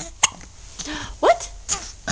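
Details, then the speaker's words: One-month-old baby girl who often gets hiccups: three to four abrupt, sharp hiccups about half a second apart, with soft voices nearby. "oh baby you get the hiccups oh no she always gets the hiccups let me take them let's hear another hiccup"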